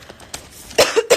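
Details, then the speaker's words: Woman coughing with a sore throat for unknown reason; she denies having coronavirus but says she needs testing: two or three short, harsh coughs in a small room. "because it's not a joke and I have just been coughing but that's what my throat is hurting a little bit and my throat's been hurting and I do not know why"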